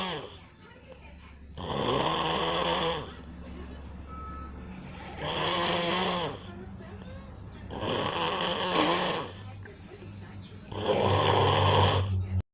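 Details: Loud rough snoring on each inhalation, about four snores in 12 seconds with quieter pauses, from a sleeping father; a baby wakes at the sound. Ordinary snoring.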